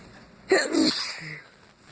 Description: Can't figure out where these ones came from. Had a stuck sneeze halfway through that finally came out I went into a massive fit.